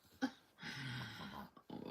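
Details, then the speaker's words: Two sleeping pet dogs snoring; low, rattling, snorty breath about a second long, another starting at its end, in a quiet room. "I don't know if you can hear my partners in crime over here snoring away. I got Yoda and Ditch with me."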